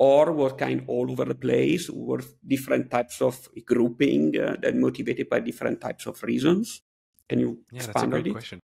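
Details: Adult male speaker; typical speech.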